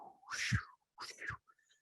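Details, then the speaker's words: Pulsatile tinnitus in a patient with fibromuscular dysplasia (FMD), severe case: two rhythmic whooshing pulses with low thumps, a vascular swooshing sound. "we put a course on for fmd patients and what the ones who have really severe pulsatile tinnitus here is a swooshing sound"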